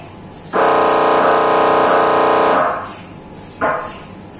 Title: MRI sounds inside scan room (Brain Sounds)